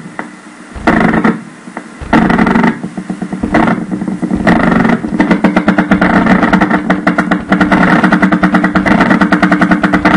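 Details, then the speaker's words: Needle EMG spontaneous activity: two superimposed myokymic discharges, the second resembling a polyphasic motor unit potential but spontaneous, not voluntary; repeated rapid crackling bursts like marching feet, two closely overlapping trains. "Here we have two myokymic discharges that superimposed together The second wave in the clip, is very similar to a ployphasic MUAP."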